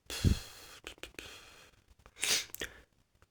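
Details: Sick person's sharp burst of breath like a sneeze, followed by quieter breathing and snuffling noises.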